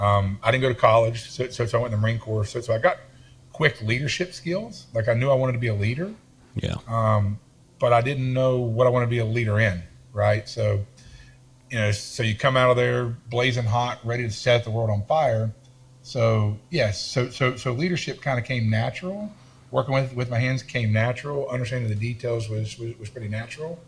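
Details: Adult man with a self-reported stutter and lisp, in speech therapy his whole life; stuttering.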